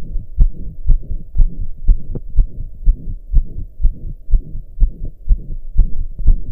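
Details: Own heart recorded lying down, calming after pounding hard for hours: a regular heartbeat near 60 a minute with a loud, soft whooshing between beats, a heart murmur.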